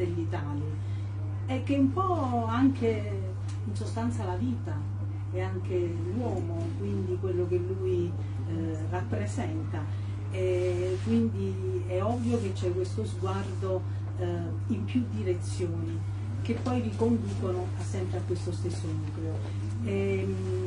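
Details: Adult speaker; normal voice.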